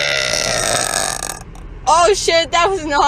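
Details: A long, loud, rumbling voiced belch lasting over a second, then brief talk; a girl's deliberate prolonged burp from a burp compilation short.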